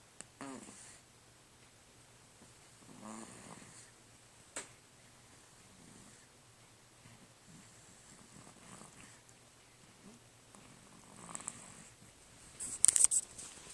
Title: Snoring. Lol.